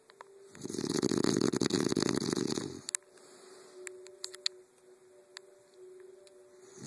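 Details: Man snoring during a nap in bed, audible from another room over the TV: one loud, rough, rattling two-second snore, then quiet breathing with room hum and faint clicks; snoring.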